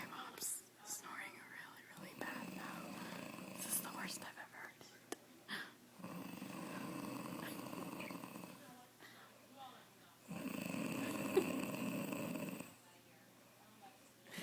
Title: my mom has Worst snoring ever!